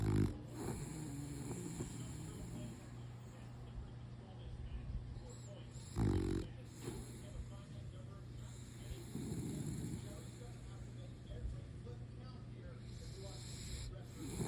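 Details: Snoring from a sleeping French Bulldog (frenchie): low, irregular snorting snores, about ten a minute, over steady room hum.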